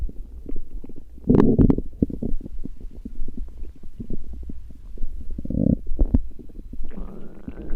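Low gurgling and rumbling bursts with bubbling pops; ordinary stomach growling from gas and fluid moving through the gut.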